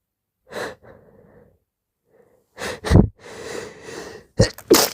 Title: Very wet sneezes + moaning amd whining #sneeze #sneezing #snz